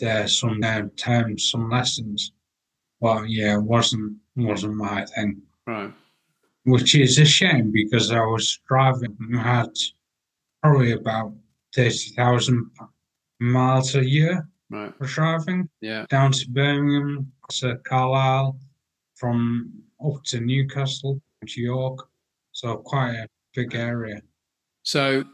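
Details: 43-year-old man with mild fluent aphasia with word-finding pauses, acquired after a major car accident about six and a half years earlier, with coma and 11 months in hospital; language breakdown and difficulty getting words out; aphasia.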